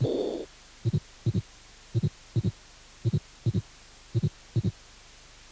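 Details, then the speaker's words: Aortic regurgitation: regular heart sounds at about 55 a minute with a faint early diastolic murmur. "insuficiencia aórtica soplo diastólica precoz de carácter musical"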